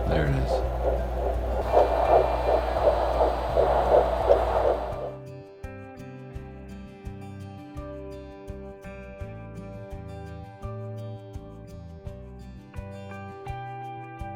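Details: Rapid, regular whooshing pulses at roughly 170 a minute, fading into soft piano music: a first-trimester fetal heartbeat from an IVF pregnancy (PGS-tested embryo), picked up by Doppler.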